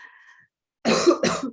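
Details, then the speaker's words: Two harsh, loud coughs in quick succession from an adult who attributes their returning cough to a strong reaction to a COVID vaccine; cough. "i just have a really strong reaction to the covert vaccine so my covert cough is back i know it sounds like i'm dying but i'm fine um"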